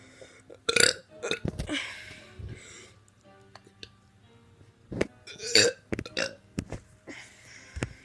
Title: Teen doing burps 14